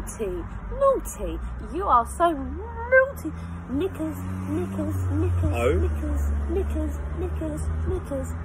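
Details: 22-year-old woman with Tourette's syndrome, recorded before formal diagnosis, producing uncontrollable vocal tics triggered by letters spoken by her partner during the alphabet challenge; Tourette syndrome vocal tics.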